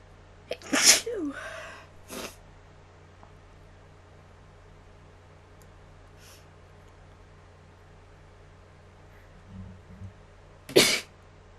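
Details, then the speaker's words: Person sneezing on purpose (says they induce sneezes, nose still itchy) in a quiet room: two forceful, sharp, explosive sneezes separated by quiet breathing. "oh these are really strong wait sh [Music] um I think I have decent lengths three videos for you all so I'm going to go ahead and stop here now um I had fun sneezing for you all"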